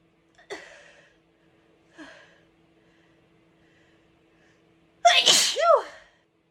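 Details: Short bout of three sneezes, two smaller then one loud and forceful with a voiced cry; the sneezer reports dizziness and a very sore throat for hours afterward.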